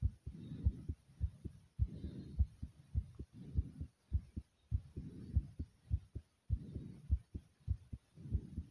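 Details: Uploader's heart beating hard after over 50 jumping jacks: loud, strong, rapid, forceful heartbeat with heavy breathing.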